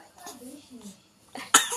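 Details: A baby pretending to cough: soft babbling, then two short, sharp breathy bursts imitating a cough.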